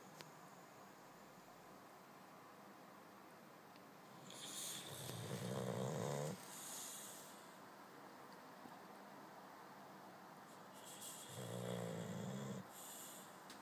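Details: Boxer dog snoring loudly while asleep and dreaming: slow, loud, rattling snores with quiet breathing between; snoring.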